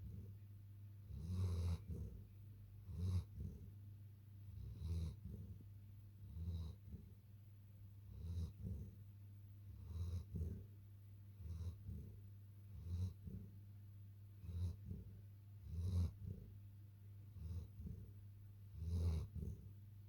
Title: Long coat cute german shepherd puppy snoring